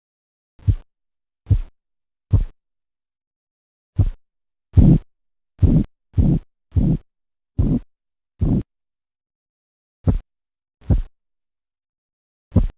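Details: Korotkoff sounds heard during blood pressure measurement.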